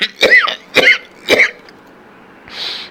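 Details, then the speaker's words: A monk preaching gives three short, rough coughs in quick succession, then a breathy intake of air. He has a chronic cough that keeps recurring while he talks and has not gone away despite medicine. "เทศไปเทศมาเสียงไอก็ออกมันก็เป็นภาระทำยังไงไม่ให้มันต้องไอนะมันเป็นเวทนา"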